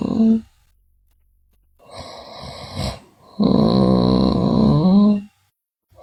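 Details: Sleeping girl snoring: a rough, rattling inhaled snore followed by a long voiced, moaning exhalation in a quiet room.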